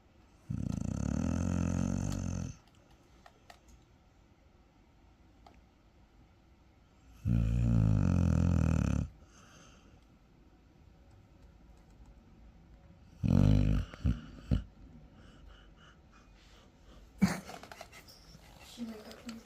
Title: #doggo snoring like a lumberjack #funnyanimals #funnypets